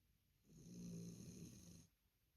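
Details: Sleeping dog snoring loudly: one long, low, rumbling snore lasting over a second, rising out of a quiet room.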